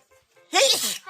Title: Korean streamer with a cold sneeze